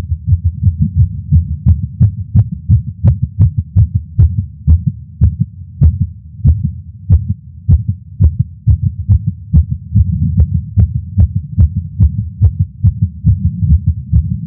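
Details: Male's own heartbeat recorded with a Stemoscope digital stethoscope while smoking a cigar after not smoking for a while, feeling lightheaded: rapid, regular beats about 110 per minute; nicotine-related tachycardia.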